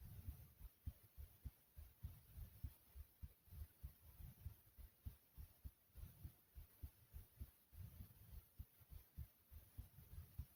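Steady low double thumps at about 100 beats a minute under faint hiss; an ordinary heartbeat.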